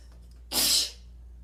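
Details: Sneeze while sitting: a single sharp, hissing burst of air lasting about a third of a second over quiet room hum.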